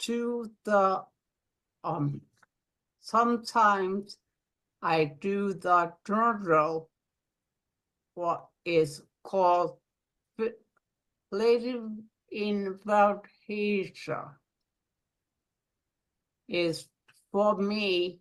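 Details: Aphasia in an adult woman following a stroke; aphasia.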